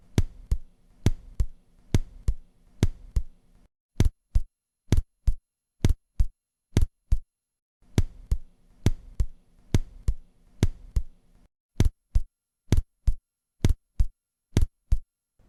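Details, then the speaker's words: Simulated doubled (reduplicated) first heart sound at the apex, about 65 a minute, the first sound heard as two close separate beats. "сразу же раздвоение первого тона на верхушке"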